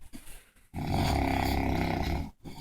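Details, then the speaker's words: Heavyset adult man deeply asleep, snoring more loudly: one long, loud, rattling snore on the in-breath lasting about a second and a half, in a quiet room. "oh that [ __ ] number two just got louder it's getting more aggressive he feels threatened"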